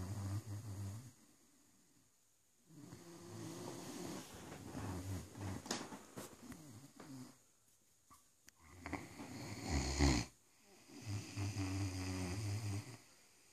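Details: Snoring in a sleeping Great Dane: deep, rumbling snores in long breaths with short pauses between.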